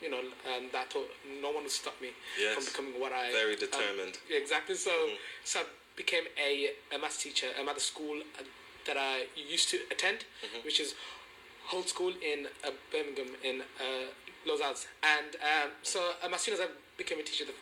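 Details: Stuttering in an adult male teacher who has stammered since age four and first received support at age 19.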